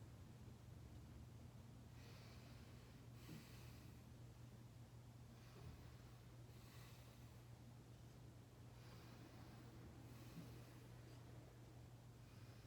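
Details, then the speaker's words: Chest auscultation with a stethoscope during a respiratory assessment, patient taking slow deep breaths at each position; no crackles, wheezes or pleural friction rubs heard; normal deep breathing, no adventitious sounds. "so every time i move my stethoscope could you please take a deep breath for me"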